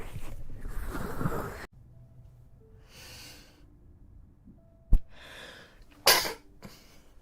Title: (REUPLOAD) Beautiful Chinese girl allergy wet sneeze 4